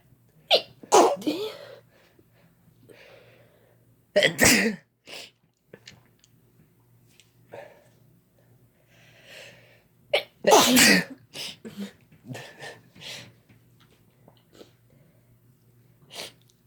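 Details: Repeated sneezing from two people induced by Chhinkni sneezing powder: about five loud sneezes in seventeen seconds, with sniffs and breaths between them.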